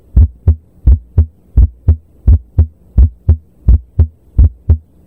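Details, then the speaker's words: Split S1 at the left lower sternal border, from mitral and tricuspid valves closing at different times: regular heartbeat near 86 a minute, with the first sound in two close parts. "answer is split S1 a classic finding when the valves don't close in sync"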